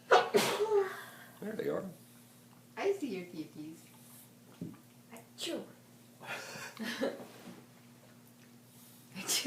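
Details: A sharp sneeze burst, then scattered soft voice sounds and breaths in a quiet room with a steady hum; sneezing.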